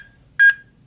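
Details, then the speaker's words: Single short electronic chime of the HeartSine Samaritan 450P AED metronome pacing chest compressions in a demonstration, after a shock is delivered and CPR begins with voice coaching. "So what it's doing now is that metronome that we've heard on both the 350 and Good 360 speed. is chiming away."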